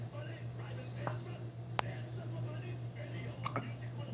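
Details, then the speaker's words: Hiccups in an infant after eating dinner, possibly from eating too fast: two or three faint, sharp hiccup clicks over a steady room hum. "You got the hiccups, baby. How'd you get the hiccups, you silly? You eat too fast?"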